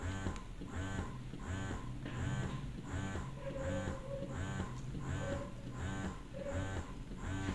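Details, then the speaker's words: Steady rhythmic motor pulses, about 80 a minute, with a low hum and clicks: a Phanpy hospital-grade double electric breast pump in expression mode, level two, demonstrated on a breast model. "so let's change this to expression mode let us begin with number one expression mode so number one expression mode is almost similar to massage mode now very light let's try expression mode number two"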